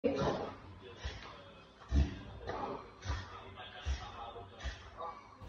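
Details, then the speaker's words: A dog makes a run of repeated harsh, snorting breaths; reverse sneezing episode. "what you need to do if your dog reverse sneezes hold one of the dog's nostrils closed for a few seconds and lightly massage his throat to calm him down"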